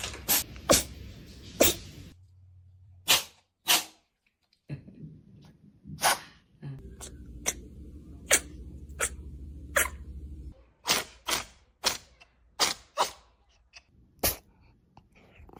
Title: The cat sneezes😂#funny #amuse #cat #interesting